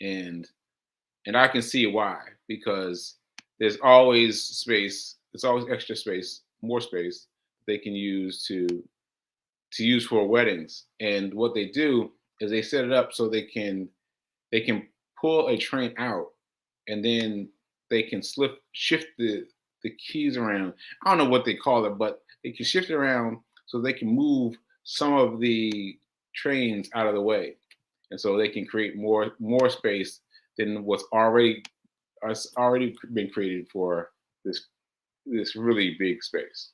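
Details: Man with aphasia, a language disorder affecting communication, caused by a stroke on July 14 about six months earlier; finding: aphasia.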